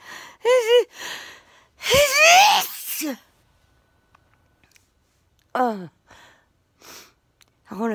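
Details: Several loud, voiced sneezes just before bed, each with a sharp intake then an explosive burst, short sniffly pauses between; person had sneezed a few times before recording. Sneezing.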